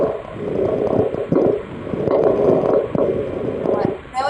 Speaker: Crackles are usually the term we use to describe somebody if they have fluid in their lungs. So that's what you'll usually hear. They kind of sound like popping.